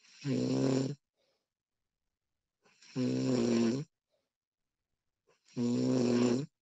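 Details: Woman snoring, recorded with professional audio: three loud, rough, vibrating snores on breathing in, about 23 a minute, separated by quiet breathing out.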